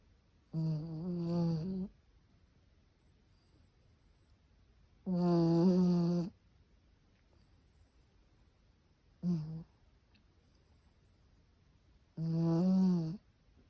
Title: Chihuahua Snoring